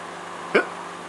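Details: Baby with hiccups: a single brief, sharp voiced catch in the throat over quiet room noise.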